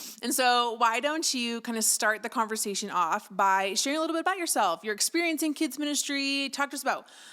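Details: Adult woman speaking; typical voice.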